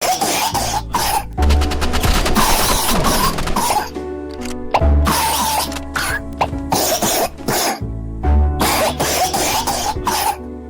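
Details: Brother's cough: several loud, harsh cough bursts over background music with a strong bass beat, followed by crying.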